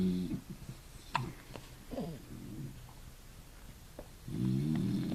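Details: Devon, likely a dog with hiccups: low rumbling snore-like breaths in a quiet room with a few short jerky sounds between them; snoring.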